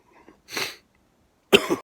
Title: Coughing 3